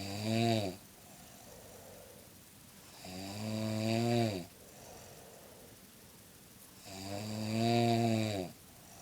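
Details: Grandmother snoring during sleep, caught on recording because she denies snoring: loud, rhythmic snores on each breath in, about 16 a minute, with quiet exhales between; ordinary snoring.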